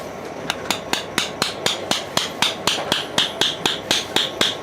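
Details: Rapid steady metallic taps, about four per second, from a surgical mallet during knee surgery while an anchor is inserted, multi-ligament ACL/PCL/MCL repair in a 29-year-old woman after a road traffic accident.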